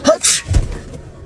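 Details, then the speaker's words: Sneeze prank: a single explosive sneeze with a sharp hissing burst that sprays snot on a partner, followed by a low thud and faint noise. "Oh my god. I'm so sorry, babe. I just sprayed snot on you."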